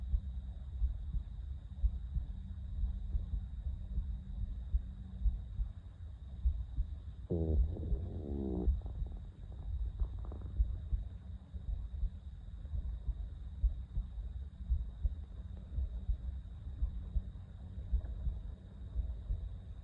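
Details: Adult hungry after 18 hours of work, waking with sharp stomach pains: a short gurgling, rising stomach growl over steady low rumble and faint hum, from an empty gut.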